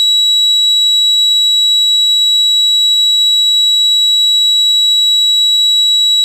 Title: Sound Effects: Tinnitus 300